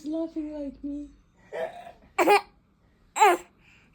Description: A toddler with hiccups and laughter is a heartwarming and amusing sight. Each tiny, sudden hic causes a brief pause, followed by a burst of giggles.